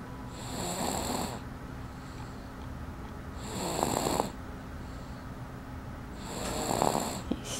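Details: A person snoring: three loud rattling snores on the in-breath, about 21 breaths a minute, with quiet out-breaths between; ordinary snoring.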